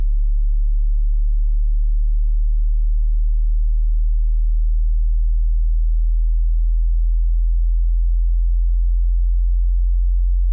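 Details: Hearing test: a steady, very low pure tone held throughout, slowly stepping lower in frequency.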